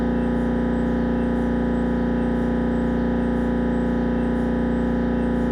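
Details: Siemens Magnetom Avanto head scan; loud, steady, rapid mechanical buzzing pulses: MRI scanner gradient noise.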